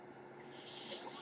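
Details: Ventilator-dependent man speaking: soft steady hiss swelling into stronger rushing airflow partway through, the mechanical ventilator delivering a breath; mechanical ventilator noise.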